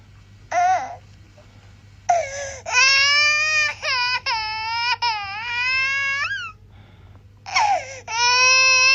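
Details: Infant crying sound-effect recording: loud, high-pitched sustained wails with brief breaths between bursts; ordinary infant crying.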